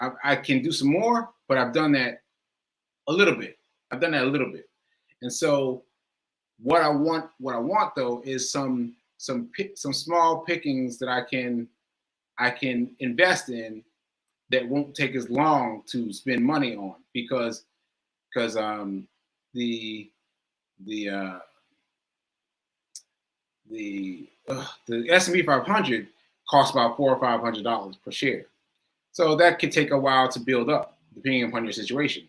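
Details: Aphasia after stroke in an adult male stroke survivor speaking live, with word-finding difficulty.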